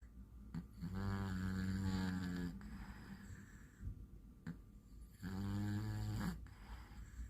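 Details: Sleeping cat: two long, buzzy, rattling snores on the in-breath, separated by quiet out-breaths; snoring.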